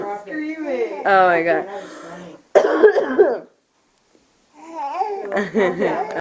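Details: Child's short bursts of coughing, with a baby giggling and babbling at the coughing in a small room.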